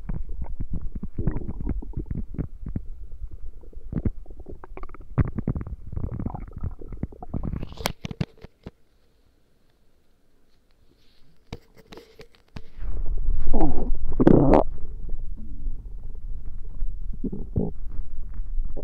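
Low rumbling and bubbling gurgles from the belly, with a quiet pause mid-way: bowel sounds during a stomach ache.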